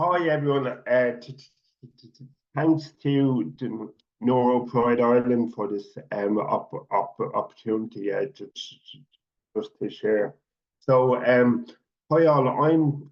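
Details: Adult man who stutters and is a stuttering advocate, speaking at a public event; stuttering.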